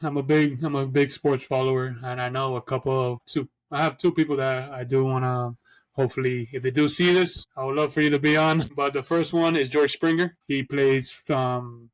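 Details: Adult man who stutters, speaking as a podcast co-host; stuttering.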